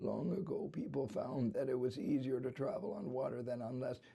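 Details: Imitated tonic variant of adductor spasmodic dysphonia, a focal laryngeal dystonia, of the chronic fry type: continuous strain without phonatory arrests.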